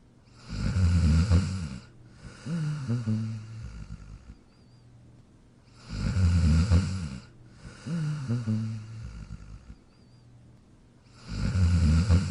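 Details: Dog sleeping in his dog bed: loud, low, rattling snores alternating with softer breaths, about 11 a minute, steady and rhythmic; snoring.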